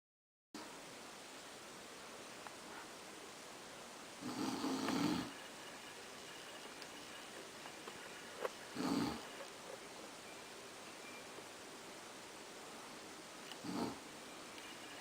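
Three rough, rattling snores over steady room hiss, spaced a few seconds apart.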